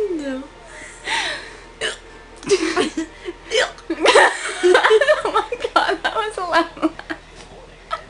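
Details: A female with hiccups: short, sharp, gulping catches in her voice recur between speech and laughter.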